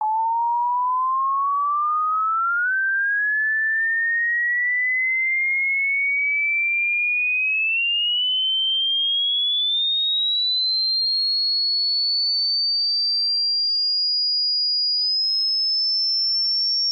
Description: Test your hearing and share your result here... mine goes silence at around 11k